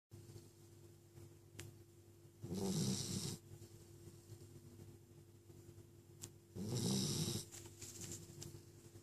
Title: SNORING PUPPY